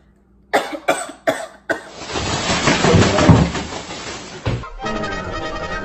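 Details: Cough from someone who says they can barely cough anymore, with suspected coronavirus, over background music.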